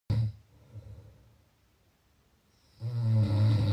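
Low, rumbling breathing noises with a pause between them; snoring.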